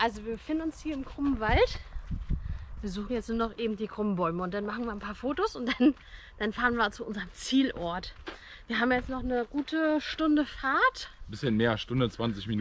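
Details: Adult speaker; normal speech.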